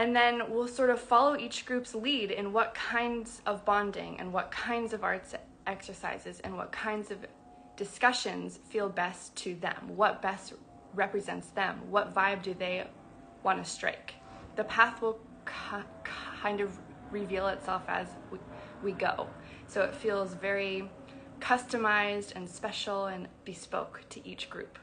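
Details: Adult woman who identifies as a person who stutters, speaking spontaneously on a livestream; stuttering.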